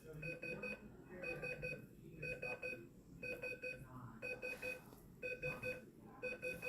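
Repeating electronic alarm tones, about one burst a second, over room noise; a heart rate monitor alarming for a low heart rate.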